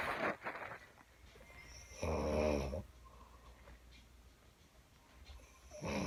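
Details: Adult woman (mother) snoring loudly during sleep: snoring.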